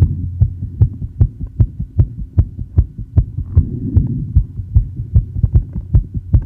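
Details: Female with asthma after inhaling probably too much salbutamol: fast, regular, thudding heartbeat around 150 bpm over a low hum, tachycardia rising from the 110s to 170 bpm, with pushes and exhale breath-holds tried.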